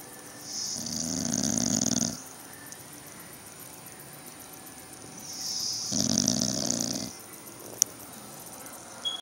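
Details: Sleepy dog snoring: two long, rough, hissing snores on the in-breath with quiet pauses between them.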